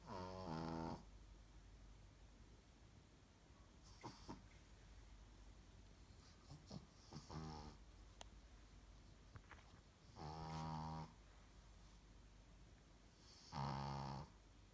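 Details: Sleeping female Brussels Griffon snoring: loud, buzzing snores with quieter snorts between, repeating irregularly every few seconds.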